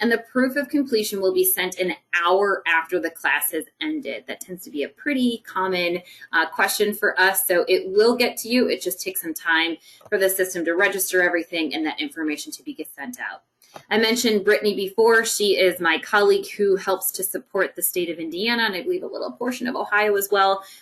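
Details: Adult woman speaking; normal fluent speech.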